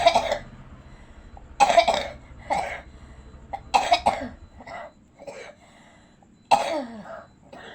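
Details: Simulated cough acted by an adult playing a sick pocong ghost who cannot travel home: about five harsh cough bursts separated by short pauses.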